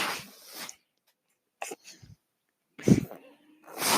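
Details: A podcaster's own mechanical ventilator, recorded while he speaks: hissing bursts of airflow separated by quiet gaps, with a brief low tone midway, the ventilator cycling breaths.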